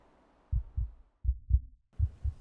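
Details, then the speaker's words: Simulated heartbeat in a male-voiced fantasy ASMR roleplay: deep, soft paired thumps repeating evenly at about 75 a minute, with no added sounds. "Can you hear it? My heartbeat. Steady, strong. It beats only for you now."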